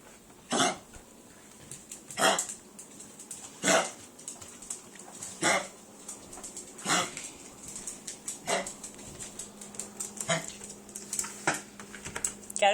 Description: My 12 year old Chihuahua has kennel cough. I just wanted to post this video so other Chihuahua owners will know what its sounds like.